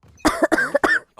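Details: Girl with a cold who says she is coughing a lot: a quick run of three short, voiced coughs in a row.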